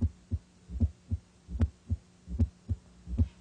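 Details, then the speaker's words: S4 (atrial) gallop, from forceful atrial ejection into a less compliant ventricle: low-pitched heart sounds in a regular triple rhythm, about 76 a minute, with an extra sound before S1. "results from vibrations caused by forcefully jection of blood from the atria into ventricles that expand less"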